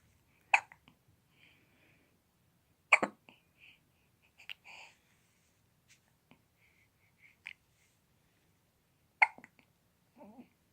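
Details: Infant hiccups: three sharp, brief catches about every three seconds, with small soft sounds between them, in a quiet room.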